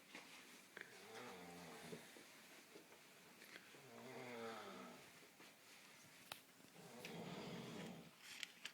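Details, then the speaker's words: Adult man sleeping at about 2 a.m.: loud, harsh, rattling breathing in slow, uneven cycles with faint room noise, said to shake the house; heavy snoring. "that is ridiculous he snores and Shakes the entire house"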